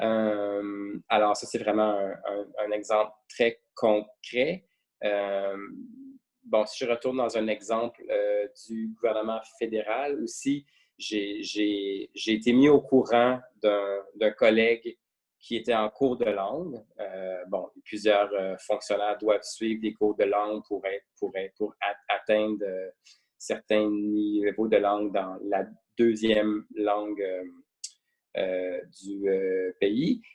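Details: Adult male who stutters, mild to moderate depending on circumstances and day, with repetitions and blocks; French speech; stuttering.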